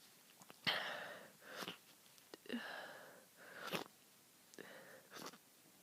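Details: Person ill with a cold, stuffy and congested: several sharp, hissing sneezes with short sniffy intakes and congested breathing between them in a small room; repeated sneezing.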